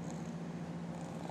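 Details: A sleepy little boy who fell asleep while eating dinner, snoring.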